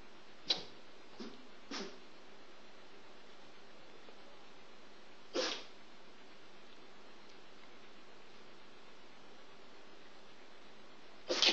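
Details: Jack Russell terrier having a sneezing attack: five short, sharp nasal sneezes, three close together then two spaced apart, against steady room hiss.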